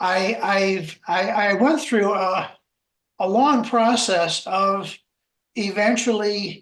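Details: Adult man, a self-identified person who stutters, speaking in a webinar on stuttering at work; word repetitions and filler words are heard; stuttering.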